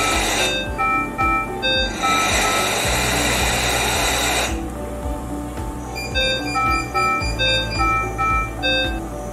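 Repeating electronic alarm tones from an ICU ventilator signal that the patient circuit is disconnected, over background music.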